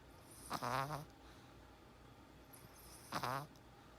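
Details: Small Chihuahua dog snoring while sleeping with eyes open: two rough, buzzing snores, each about half a second, with quiet pauses between.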